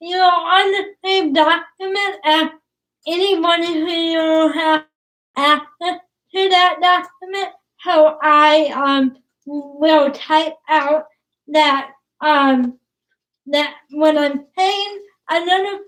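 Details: Dysarthria in a woman about to turn 20 with cerebral palsy; her speech is difficult to understand, and her father notes trouble with plosive sounds such as p and b.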